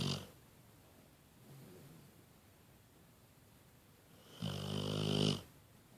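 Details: Pitbull napping: quiet room with soft breathing, then one rasping, rumbling snore near the end; snoring during sleep.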